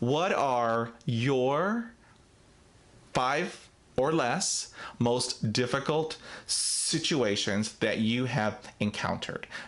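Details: Real stuttering in an adult man who describes himself as a person who stutters, talking about a difficult speaking situation.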